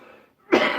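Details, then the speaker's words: A single harsh, forceful adult cough after a brief pause: a nasty cough lingering after a bad cold with sneezing and a runny nose. "but I just ended up now with a nasty cough"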